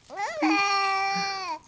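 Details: Infant playing with toy animals, recorded on a Flip Video camcorder, gives a single sustained, steady-pitched wail, a brief ordinary cry.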